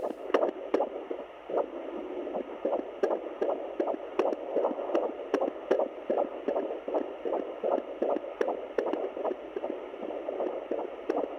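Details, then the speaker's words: Fetal heartbeat at 22 weeks of pregnancy (baby girl, pregnancy after loss) on a home handheld fetal Doppler: rapid, regular whooshing beats at about 155 per minute. "hearing that heartbeat for the first time at home was very cool and um yeah it's just been a great asset so far in this pregnancy"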